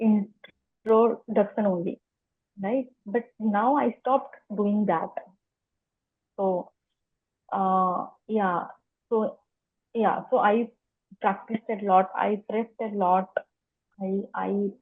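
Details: Adult woman who has stammered as long as she remembers, in spontaneous podcast interview speech: stuttering.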